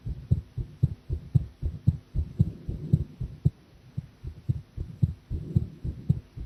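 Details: Live-streamed heart sounds of a person drinking coffee, who felt the heartbeat was unstable; paired low thumps repeating steadily at roughly 110 beats a minute, fast but fairly regular.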